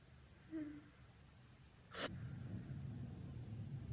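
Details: Brief voiced in-breath, then one sharp, explosive, wet open sneeze in a quiet room with low background rumble.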